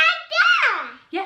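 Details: Girl, nearly 3, recently diagnosed with childhood apraxia of speech by two speech therapists, attempting to say 'doll' when prompted; childhood apraxia of speech.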